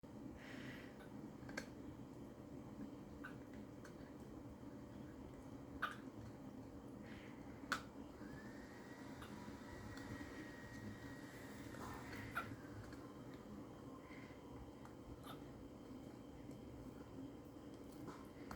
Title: Coal's hiccups